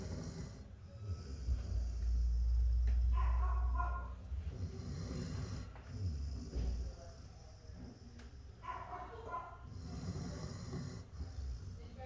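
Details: Female dog at the vet's office, relaxed and asleep without any medication, snoring: low rumbling breaths in a steady rhythm with soft snorts.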